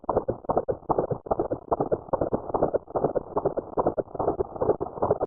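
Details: Rapid, regular whooshing pulses of a fetal heartbeat, about 146 beats a minute, picked up with a handheld M523 fetal Doppler in a usage tutorial.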